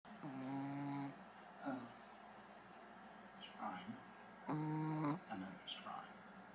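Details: 9-month-old female Shih Tzu snoring in her sleep: two long, rattling snores with softer snuffling breaths between them, in a quiet room.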